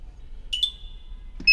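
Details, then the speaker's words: Dual-probe physiotherapy laser therapy unit (750 mW, 910 nm pointed and cluster probes), continuous program: clear electronic beep as start key is pressed, then sharp click; timer starts and pointed probe emits laser. "press the start key, the timer has start, and the pointed probe, I am getting the laser input."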